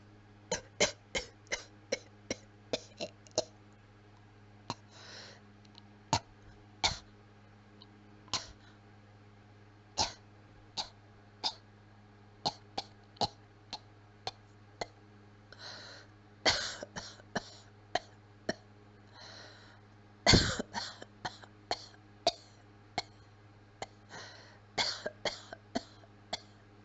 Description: Just some weak, quiet coughing.